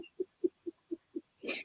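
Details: Vocal tic: a brief involuntary vocal sound from an adult male live-stream guest mid-conversation, which he attributes to his Tourette's.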